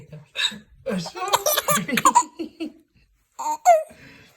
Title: Adorable 3 month old baby laughing at daddy's hiccups!